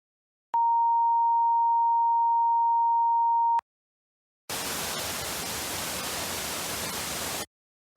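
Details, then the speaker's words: Simulated tinnitus from a noise-safety quiz: a steady high-pitched whistle-like tone, then a hissing rush, representing phantom sounds only the hearer perceives, which may resemble a heartbeat, a kettle whistling or a cricket chirping. "is when you hear sounds that others do not. These sounds are, in a way, invented by our brains and come in an infinite variety. They may sound like a heartbeat, a kettle whistling, a cricket chirping, or even all of these sounds simultaneously."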